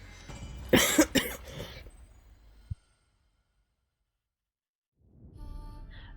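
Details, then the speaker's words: An adult with a persistent cough, taking cough medicine, with headache, a hoarse voice and stuffiness, gives a quick run of three harsh, sharp coughs, then silence and faint background music: cough. "And I'll try and meet when I cough if I can because it's not very pleasant but yeah it just keeps on shaking my brain inside my head and my head hurts"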